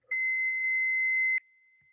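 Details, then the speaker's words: AED switched on during a hands-only CPR training demonstration: a single steady electronic power-on beep of about a second, before it prompts to apply pads. "so we're going to go ahead and demonstrate the aed step one turn it on"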